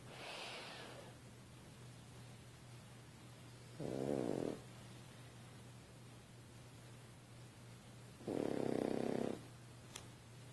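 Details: French Bulldog sleeping on a couch, giving loud, rattling snores about every four to five seconds over a steady low room hum; snoring.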